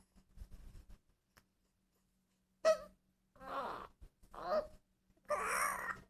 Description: My 2 month old daughter making weird sounds in the mids of a poop has anybody's baby do this?